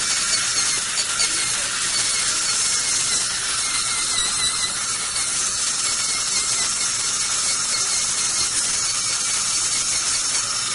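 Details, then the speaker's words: High-pitched dental handpiece whine with wavering pitch, grinding off a high spot found with bite marking while adjusting a replacement bridge in the upper left, after the old loose, broken bridge was removed. "so the bloomer is telling you that it's heating high so i'm gonna take off the blue mark"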